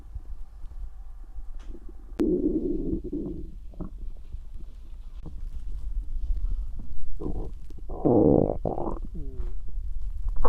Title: Happy Halloween 🎃👻Stomach growling ♪